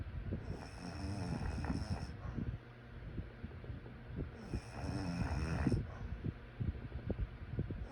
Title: Sleep snoring sounds